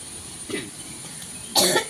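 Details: A soft throaty catch, then one loud, harsh cough burst over a steady background hum; a single adult cough.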